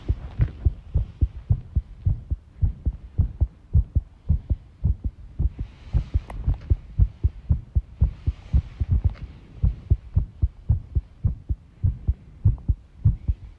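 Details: Heart sounds recorded while tidying a room, arrhythmia noted: low thumps at roughly 110 a minute with uneven spacing, faint background clatter; irregular heart rhythm.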